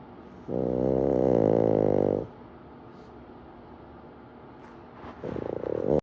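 Loud, buzzing, rattling snores from a small flat-faced dog, each lasting almost two seconds with a quiet pause between; heavy snoring.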